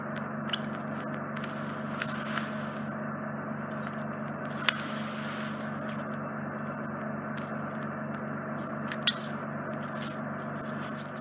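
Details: Ear microsuction of a large, deep impacted wax plug in an adult man's right ear canal, causing reduced hearing; wax is worked through a narrow entrance. Steady hissing suction with a low hum and occasional crackles and clicks.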